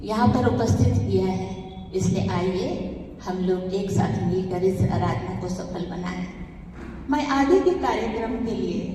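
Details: Adult woman speaking Hindi; normal voice.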